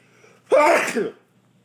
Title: Tickly Nose, Loud Sneezes 2 (m)